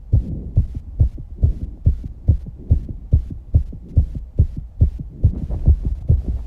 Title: Fast 19 year old girl Heartbeat and Heavy Breathing After Exercises and some breathing holding.